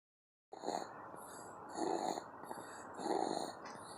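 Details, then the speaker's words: Sleeping baby boy weighing 13 pounds, napping: loud, rough snoring breaths repeating about every 1.2 seconds, a little under 50 a minute, with noisy airflow between them; snoring. "He officially weighs 13 pounds now. And snoring. That mama baby boy."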